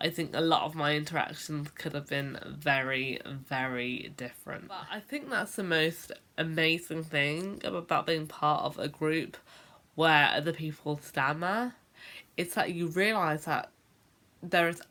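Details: Adult woman who has stammered since about age 10, a late onset; stuttering (stammering).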